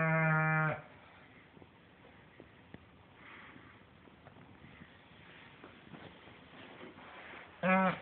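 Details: English bulldog snoring: two brief, loud, buzzing groan-like snores at the start and end with quiet breathing noise between.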